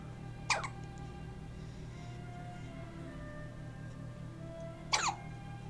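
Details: Newborn girl, day 6, who hiccups constantly: two brief sharp hiccup bursts about four seconds apart over a steady background hum; infant hiccups.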